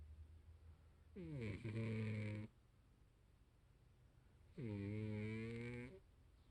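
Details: Heavy sleeper who snores like this daily: two drawn-out, tonal, rattling snores on the in-breath, about 20 breaths a minute, with quiet pauses between them.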